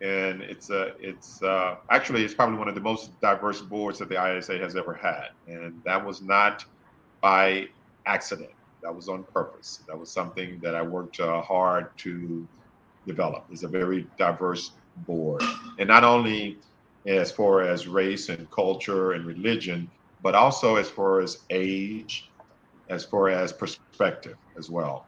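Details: Adult man who stutters, severe in college, who says he will never be fluent; stuttering.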